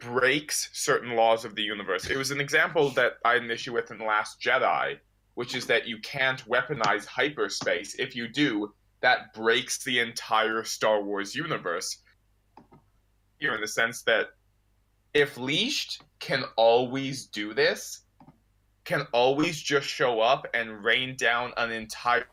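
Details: Adult male speaker; Normal fluent speech.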